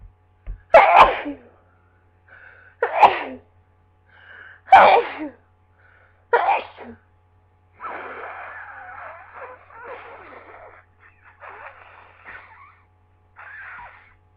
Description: I thought the worst of my cold was over so I went into work but later this fit happened. I missed the first 2 minutes of it which were the worst